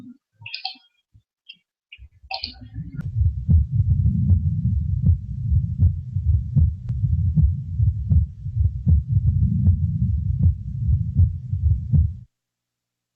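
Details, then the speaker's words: Teaching recording of paradoxical (reversed) splitting of S2: delayed left ventricular depolarization and ejection postpone the aortic component, so the split is heard on expiration. "por lo tanto el componente aórtico se retrasa y va a darse pusimos desangramiento paradójico invertido y más aún pues en en expiración vamos a escuchar el doblamiento paradójico mundo"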